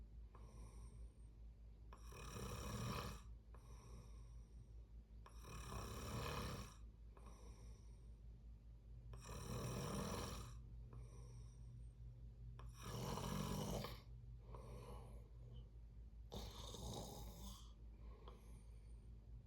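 Loud, rough snores with each breath, about 14 breaths a minute, steady hum in the background; sleep snoring.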